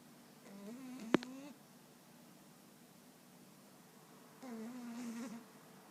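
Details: Female dog snoring loudly in her sleep: two drawn-out, buzzing, rattly breaths a few seconds apart in a quiet room.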